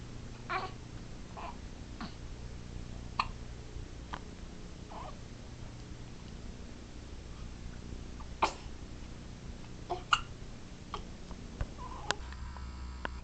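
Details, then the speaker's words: Hiccups while hanging out: brief, sharp, irregular catches in breathing, several over about 13 seconds, over quiet room noise. "See, I got the hiccups. I'm just hanging out with the hiccups. That's it."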